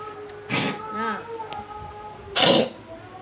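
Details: Orange cat with a dry cough after being caught in the rain: two short, harsh, dry bursts a couple of seconds apart.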